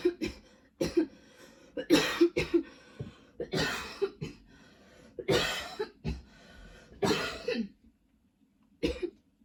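Repeated coughing spells, about a dozen coughs in quick runs with throat clearing and short pauses: a persistent cough.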